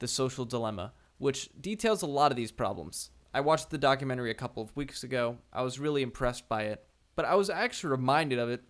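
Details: Adult male speaker; ordinary speech.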